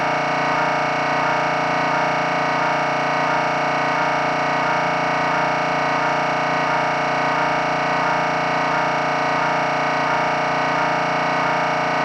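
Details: Loud, steady buzzing MRI scanner drone with a regular pulsing pattern; sample sound to prepare patients, including children, for what an MRI sounds like.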